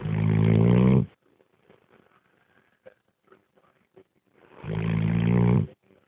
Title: snoring